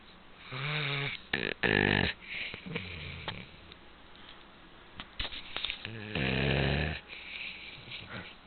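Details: Snoring from a sleeping 2-year-old golden dog, which keeps everyone up all night.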